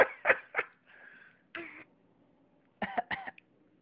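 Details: Young child with a cold: several short, harsh, wet-sounding coughs in quick bursts with pauses between them.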